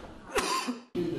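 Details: Chronic cough from postnasal drip syndrome in an adult whose cough persisted a month after a cold: sharp, slightly wet cough with a voiced tail; nasal secretions dripping onto the larynx stimulate cough receptors.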